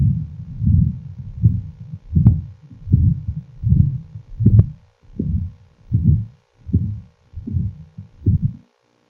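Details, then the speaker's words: Low rumbling paediatric continuous machinery murmur that swells with each beat, with a very soft S1 and a loud P2 from increased pulmonary blood flow, radiating to the interscapular area: patent ductus arteriosus. "Could you identify the loud P2? It's called a machinery murmur."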